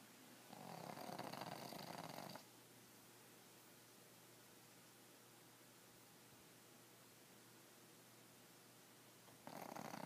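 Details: Sleeping pug snoring: a raspy, rattling snore on one breath lasting about two seconds, a long quiet pause, then the next snore.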